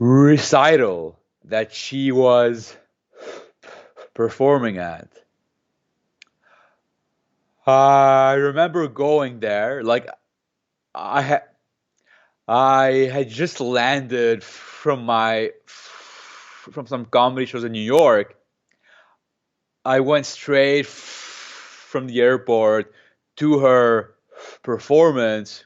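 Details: Stuttering in an adult man who has stuttered since age 2–3, speaking in a real interview; he uses a McGuire programme breathing technique to control his stutter.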